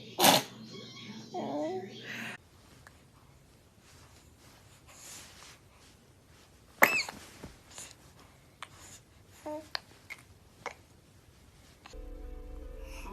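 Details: Baby sneezing: a couple of short, sharp sneeze bursts separated by quiet room sound and a soft voice; ordinary infant sneezes.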